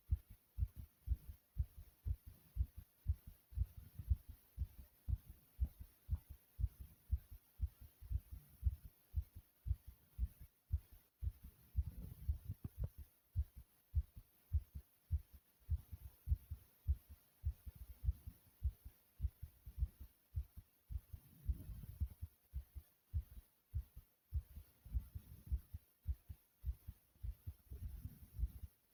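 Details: Fast, steady low thumping of a racing heartbeat with soft breath swells, after 40 jumping jacks and a sudden choking episode; rapid heartbeat (tachycardia).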